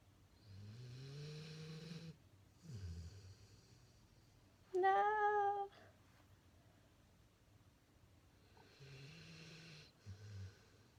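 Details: Pitbull, deeply asleep while his owner stacks Fruit Loops on his head: soft, low snoring breaths broken once by a brief high whine; snoring.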